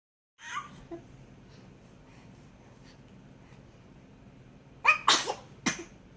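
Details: A boy sneezing on waking in the morning: two quick, sharp sneezes close together after a soft vocal sound, in a quiet room.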